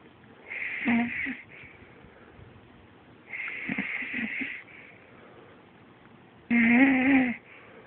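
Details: Medium to medium-loud snoring, usually quieter and occasionally worse; slow hissing breaths with a whistling, rattling snore at about 20 breaths a minute; snoring.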